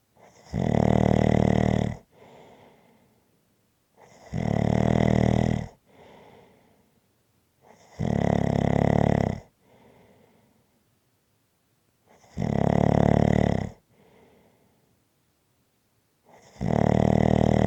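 Loud, regular snores on each breath in, about 15 a minute, with quiet breaths out between them. Ordinary snoring.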